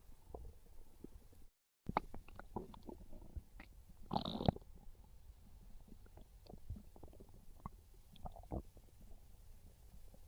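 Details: Low gurgling rumbles and squeaks from the belly, loudest near the middle; normal hunger stomach growling (borborygmi), described as craving pizza.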